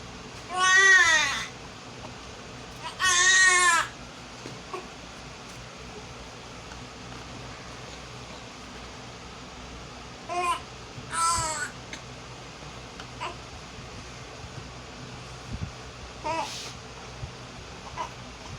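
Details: Infant girl after a bath, while she had hiccups: short wavering cries in several brief bursts with quiet pauses between them, in an otherwise quiet room.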